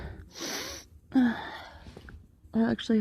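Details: Repeated, partly stifled sneezes as the person tries to stifle them: a sharp inhaled catch, then a forceful burst of air, then two more quick explosive bursts.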